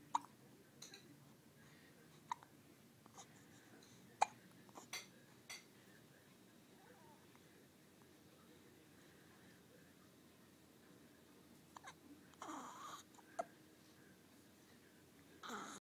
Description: Poor little guy has hiccups every day.